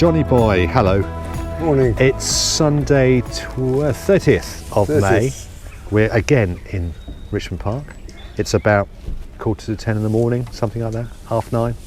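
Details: Adult male speaker outdoors; normal fluent speech.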